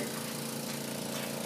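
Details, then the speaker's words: Suction machine running during a tracheostomy suctioning demonstration with intermittent suction for 5 to 15 seconds while withdrawing the catheter; then water is drawn through the tubing. "when I'm done suctioning I wind this back up in my hand no I like you you're going to get some water first in"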